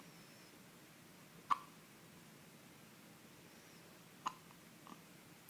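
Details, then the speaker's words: Infant hiccups: two short, sharp hiccups about three seconds apart in a quiet room, with a fainter catch afterward. "Hey, buddy. You got the hiccups?"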